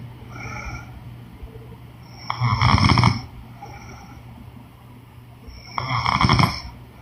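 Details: Woman snoring during sleep: two loud, vibrating snores on the in-breath with softer breaths between, over a low hum.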